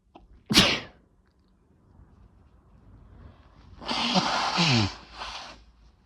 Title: Chhinkni Sneezes 5 (nb)